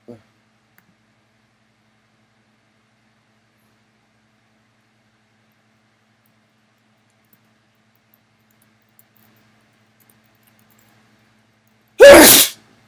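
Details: Near silence, then a single loud, abrupt sneeze, a burst of air and voice, aimed at a mirror to show the spray.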